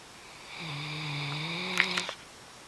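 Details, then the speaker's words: A female Great Dane snoring while wide awake: one drawn-out, tonal, rattling snore-like noise on a breath. "Are you snoring? Are you awake and still snoring? Interesting."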